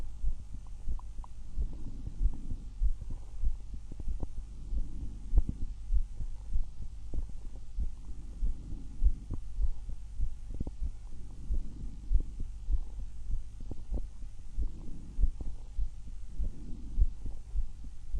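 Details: A person's own heart and breath sounds through a stethoscope: steady heart thumps with soft breath sounds rising and falling every few seconds.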